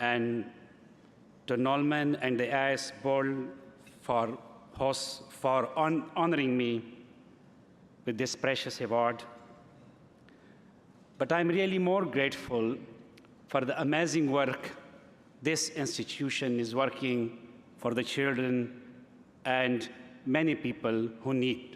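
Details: Adult man who has stuttered since early childhood, giving a live speech at a gala: stuttering.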